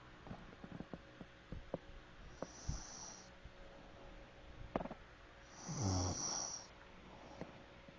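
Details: Two rough, rattling snoring breaths a few seconds apart, with soft clicks and room noise between; snoring.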